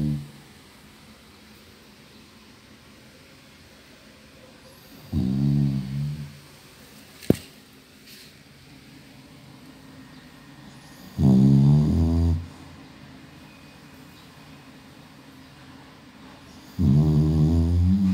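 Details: Sleeping dog snoring: slow, regular, rumbling snores, about 10 a minute, with quiet pauses between them.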